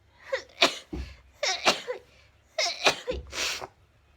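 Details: Sneezing compilation: three sneezes in quick succession, each with a sharp inward breath and explosive release, in a quiet room.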